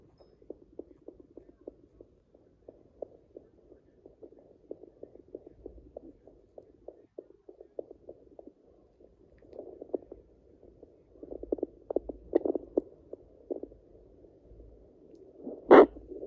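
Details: Doppler on a pregnant Yorkshire Terrier at day 49 of pregnancy picks up rapid, regular whooshing pulses of roughly 170–200 a minute: puppy fetal heartbeats.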